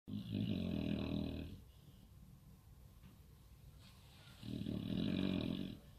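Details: Samoyed dog snoring: two long, rumbling, fluttering breaths about four seconds apart with quiet in between; one of several Samoyeds snoring a lot.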